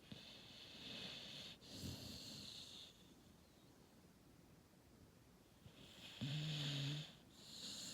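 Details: Sleeping Cane Corso puppy snoring: soft, hissing snores with a brief tonal snort near the end in a quiet room, before waking to one word.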